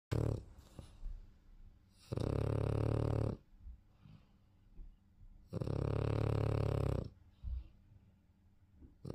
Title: Pumba The French Bulldog Snoring